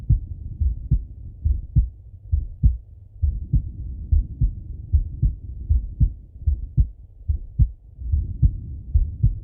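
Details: Male heartbeat heard on stethoscope auscultation with breathing: a steady lub-dub at about 73 a minute with soft breath noise underneath; normal heart sounds.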